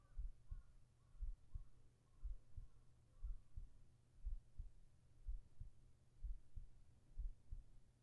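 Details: ASMR heart sounds for sleeping, recorded with a whispered voice: soft, steady lub-dub heartbeat at about 60 beats a minute over a low background hum, a normal heartbeat.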